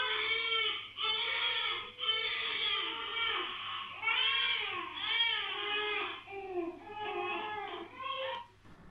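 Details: Infant cry played through speakers with added noise and re-recorded by microphone for a real-time crying-detection test; repeated rising-falling wails with short breaths between, slightly muffled, low steady hum.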